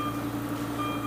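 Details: SERVO ventilator (SERVO-i/s/u/n/air) alarm: steady repeating electronic alarm tones over constant hum, after breathing circuit disconnection, in an alarm-handling demonstration.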